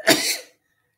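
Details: Sneeze during a sneezing fit: one short, sharp burst of air and voice fading within half a second.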